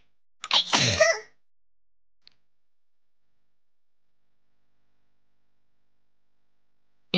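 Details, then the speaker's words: A single powerful sneeze from a streamer who did not mute in time: a sharp intake and bursting release, then silence. "It was a very powerful sneeze I know Yeah Yeah nothing happened twice Thank you"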